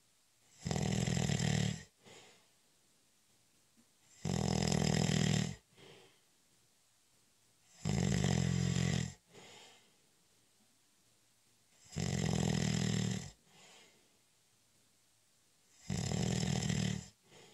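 Five loud, harsh snores at about 15 a minute, each followed by a soft breath out. Quiet room otherwise.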